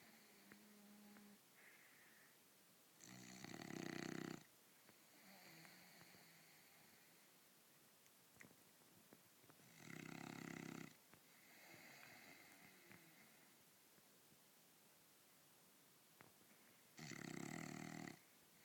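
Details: Pet sleeping in bed like a human, snoring: three loud, rough snores on the in-breath about seven seconds apart, with softer breathing between, roughly eight to nine breaths a minute.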